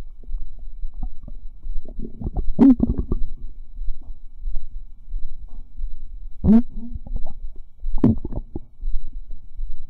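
Irregular gurgling, bubbling and squelching rumbles with low deep rolls: active bowel sounds, ordinary digestion.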